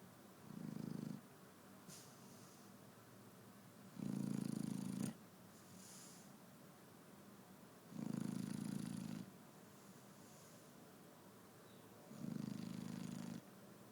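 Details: Shar-Pei dog snoring while asleep in the morning: four slow, rumbling low snores about four seconds apart, roughly 15 breaths a minute, with quiet breathing between.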